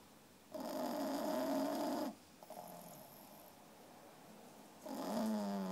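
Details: 3-month-old female French Bulldog puppy asleep, tired after playing all day: two long, loud rattling snores separated by a quieter breath: snoring.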